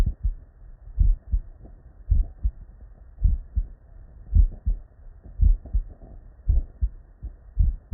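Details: Real unedited bedside human auscultation from patients with normal cardiac physiology: regular paired lub-dub beats, about 55 a minute, no extra sounds; normal first and second heart sounds.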